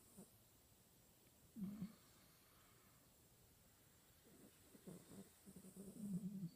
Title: snoring